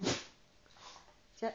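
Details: Jack Russell dog sneezing on demand in a sneezing game: a sharp burst of air opens the clip and a second follows near its end, with quiet room sound between; two sneezes.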